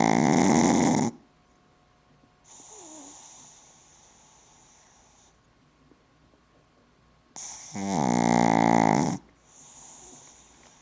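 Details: Sleeping female pug snoring: loud rattling snores alternating with softer whistling exhales.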